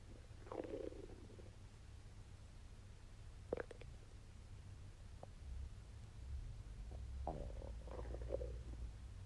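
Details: Belly while digesting a wagyu steak: irregular gurgles and brief squeaks over a low steady hum: ordinary bowel sounds (borborygmi) during digestion.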